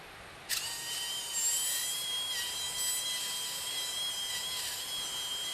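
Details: Steady high-pitched whine of a fast surgical drill, with small shifts in pitch as it cuts, during a Draf III frontal sinus approach (outside-inside technique, medial to lateral) in a cadaver demonstration.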